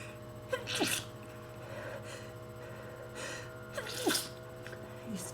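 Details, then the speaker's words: Person with a bad cold and severe allergies in pollen season, wet sneezing: two sharp sneezes, each after a quick indrawn breath, with sniffling against a low hum. "Oh god, cold and allergies still. Bad combination when you have really bad allergies and you sneeze."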